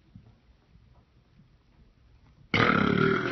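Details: Quiet room, then one long, loud, rumbling burp lasting about a second, done on purpose in front of a classroom audience.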